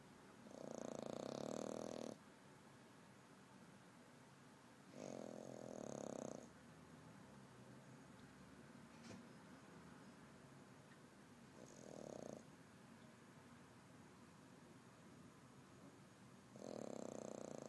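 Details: Snoring: four soft, rattly snores about 5 seconds apart, roughly 13 breaths a minute, over a quiet room hiss.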